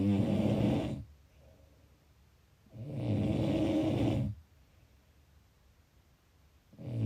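Two long, loud, rattling snores on the in-breath, separated by quiet out-breaths, about nine breaths a minute: ordinary snoring.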